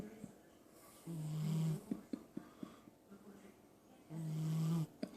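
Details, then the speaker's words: A sleeping dog snoring: two long, low, rattling snores about three seconds apart, with soft snuffles between. "yo Bubba yo yo yo yo the freakin snore in your hat off bro what are you doing man"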